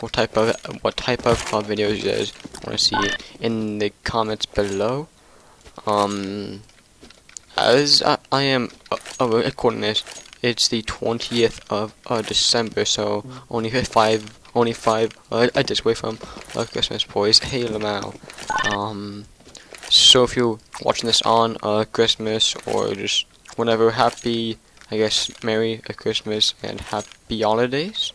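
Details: Male who stutters in nearly every sentence, with onset around second or third grade and severity varying over the year; stuttering.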